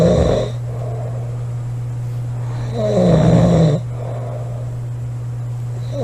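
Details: Two sleeping girls: two loud rumbling snores about three seconds apart over a steady low hum, roughly 20 breaths a minute; snoring.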